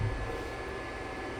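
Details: Spontaneous otoacoustic emissions recorded from the ear canal of a young woman, amplified: tones superimposed on ear-canal background noise.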